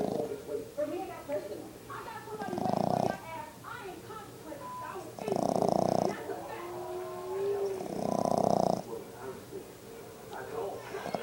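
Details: Snoring in a sleeping 5-month-old Boston terrier puppy: three loud, rhythmic, rattling snores about three seconds apart with soft snuffling between them, typical of a short-nosed dog.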